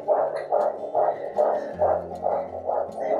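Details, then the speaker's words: 30 weeks pregnant with a third baby: fast, regular whooshing fetal heartbeat at about 140 per minute on a Doppler monitor. The baby is very active and the heart rate is described as high. "the baby is still moving a lot and very active and the heart rate is high as well"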